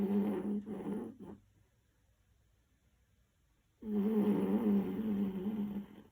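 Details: Corgi dog snoring during sleep: buzzing, fluttering snores with a steady low hum, a pause, then another long snore.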